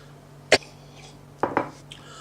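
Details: Cough from a student who has been sick for the past week: a single short cough, then a double cough a second later, in a quiet room.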